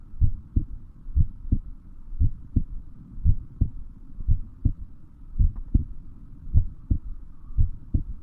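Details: Heartbeat: steady low thumping with paired lub-dub sounds at about 58 beats a minute over a faint hum.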